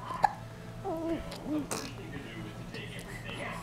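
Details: A sudden short hiccup, then soft voiced sounds and bubbly noises as she blows bubbles, over faint background music; hiccups.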